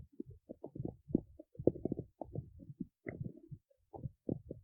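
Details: Stomach growling (borborygmi) recorded in the city: rapid bubbling, gurgling low rumbles in quick irregular runs.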